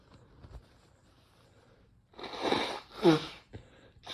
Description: I decided to try Chhinkni and damn it made me sneeze, I don't normally sneeze much at all (even when inducing).